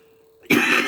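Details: Single abrupt harsh cough after a quiet pause from an adult speaker who mentions being too old to live in the cold after a very cold weekend; cough.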